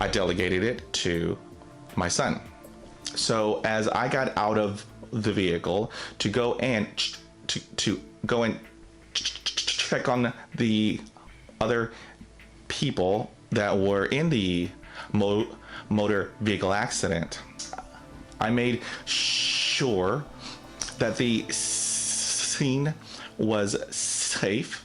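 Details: Adult man who stutters, with audible word and part-word repetitions; stuttering.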